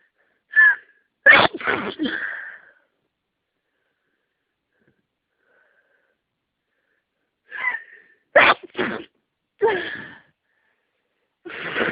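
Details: Person with a cold and heavy sinus congestion, unable to sneeze the day before: a sneezing fit of sharp sneezes in quick succession, with pauses between groups.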